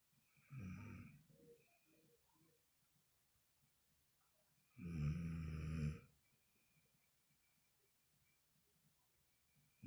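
Two deep, rattling snores on breathing in, separated by quiet breathing; loud ordinary snoring.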